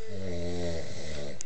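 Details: Adult man (husband) asleep, one deep, droning, low vibrating snore on the in-breath; ordinary loud snoring.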